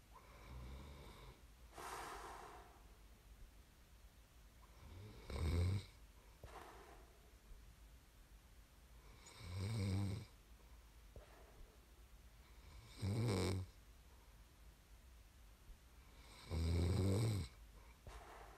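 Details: Low rattling snores on breathing in at about 17 breaths a minute, with softer out-breaths between; snoring during sleep, from an ASMR snoring recording.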